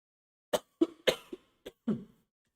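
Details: Single cough from an adult instructor who says he is not feeling well and has a bad voice, during a live lecture.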